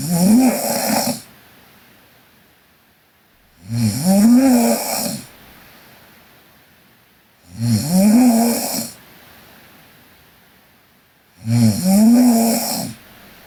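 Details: Loud, regular snores from a sleeping Korean girl on each breath in, with a rising buzzing tone and quiet gaps between, about 15 breaths a minute; snoring.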